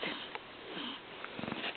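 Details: Hiccups in a 5-week-old baby: soft, sharp little catches of breath, an ordinary bout of infant hiccups.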